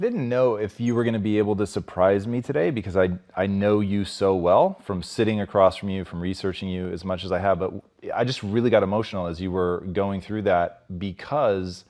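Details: Adult man; typical speech.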